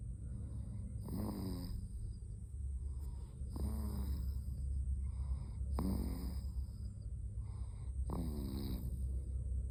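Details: A sleeping female gives four loud, rattling snores at regular intervals, about one every 2.3 seconds, over a steady low background hum: loud snoring.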